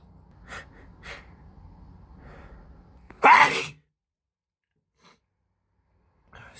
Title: Allergy sneezing with intense build ups.